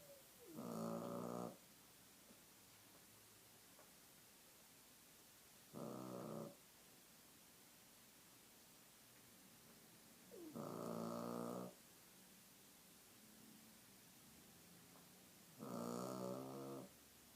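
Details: Loud snoring likened to a truck driver: four rumbling, fluttering snores about every five seconds, roughly 12 breaths a minute, during sleep over steady background hiss.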